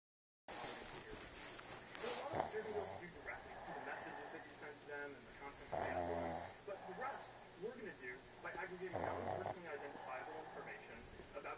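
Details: Sleeping dog snoring: repeated rattling snores, each followed by a softer whistling breath.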